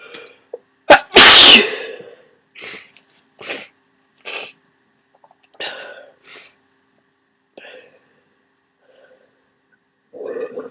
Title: Huge cold sneezes